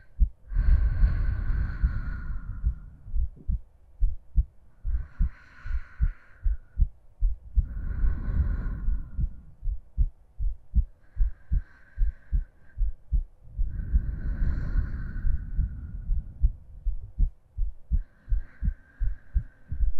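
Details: Steady, regular heartbeat at about 75 beats a minute with slow, soft breaths over it, from a 45-minute ASMR sleep-aid recording; a normal heartbeat.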